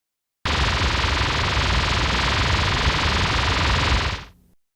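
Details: Tinnitus simulation (catastrophic).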